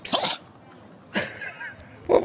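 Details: Gilbert, a cat: three short, sharp explosive bursts of air, each a quick snorting sneeze. Sneezing.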